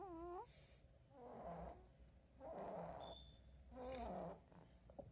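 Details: Sleeping baby girl snoring: soft, rhythmic snoring breaths, about 47 a minute, with a gentle vibrating quality on each breath in a quiet room.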